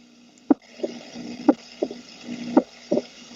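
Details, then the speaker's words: Heart auscultation at about 60 beats a minute: the second heart sound, at the end of systole and start of diastole, splits in two on inspiration, as negative chest pressure delays the pulmonary valve; physiological splitting of the second heart sound. "esto se llama el desdoblamiento fisiológico del segundo ruido este ruido de al final de la sístole y el y el inicio de la diástole a continuación lo vamos a escuchar"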